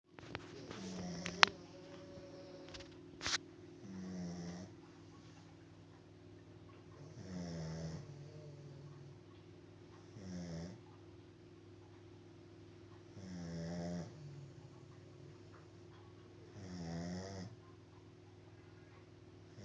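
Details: Soft, regular rattling snores about every three seconds, roughly 18 per minute, over steady room hum; snoring during sleep.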